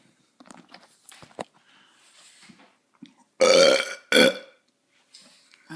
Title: burping part 1